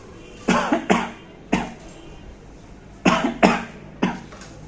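Several short, sharp cough bursts in clusters, acted to demonstrate coughing into the elbow.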